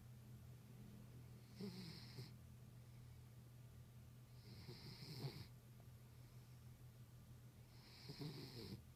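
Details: Terrier snoring: soft snoring breaths with a whistling hiss about every three seconds over a steady low hum; mild snoring.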